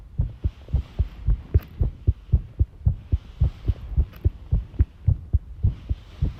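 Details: Heart sounds recorded while tidying a room, arrhythmia noted: muffled low heartbeats, roughly 55 a minute, uneven spacing over faint room noise; arrhythmia.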